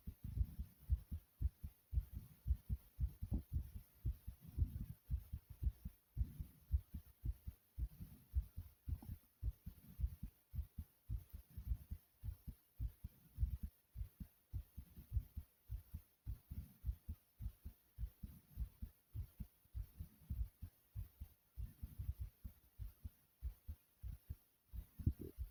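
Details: Pounding heartbeat with heavy breathing after doing jumping jacks: fast, strong, regular low thumps near 110 a minute, a rapid heartbeat after exercise.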